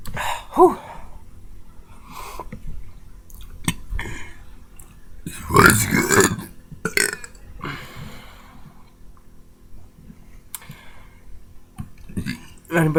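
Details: Deliberate burping: several loud, drawn-out burps with one long deep belch in the middle, between quieter moments.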